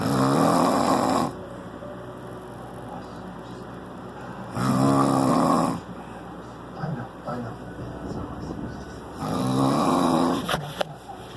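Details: Snoring in the dark: deep, rough snores about every four seconds, roughly 13 breaths a minute, over a steady fan hum.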